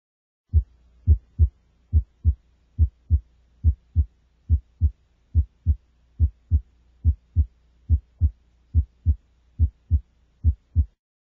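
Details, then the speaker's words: Single S2 at the apex in an adolescent as P2 fades moving the stethoscope from the second intercostal space; regular paired heart sounds about 71 a minute without audible splitting. "as the stethoscope is Advanced toward the Apex P2 Fades and S2 becomes a single"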